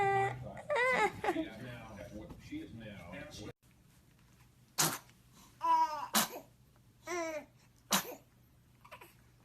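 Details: Newborn baby sneezing: infant babbling and laughter, then several short sharp sneezes with squeaky voiced tails; frequent sneezing in newborns clears the nasal passages and is normal.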